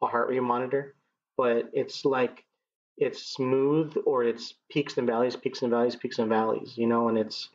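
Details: 39-year-old man who has stuttered as long as he remembers; it began in childhood with vocal blocks in the throat and now shows mainly as repetitions used to get past blocks; speech therapy through elementary school until 7th grade; stuttering.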